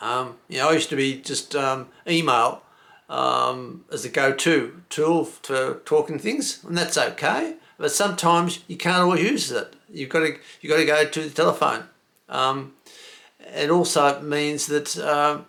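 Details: Male stroke survivor with aphasia acquired from a stroke, with word-finding difficulty and disrupted phrasing; he reports he cannot get the right words out; aphasia.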